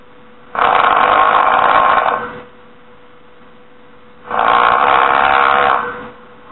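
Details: Two harsh, rattling breath sounds, each lasting over a second, separated by quiet pauses at roughly 16 breaths a minute; snoring.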